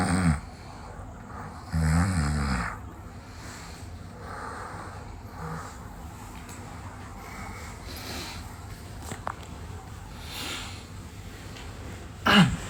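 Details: Loud rough snores from a child still sleeping in the morning, a few seconds apart, with quieter breathing and faint room noise between.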